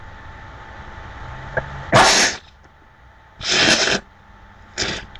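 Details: Three loud, sudden sneezes over faint room hum from a person with a very blocked nose, during a recording of sneezing and nose-blowing with a friend.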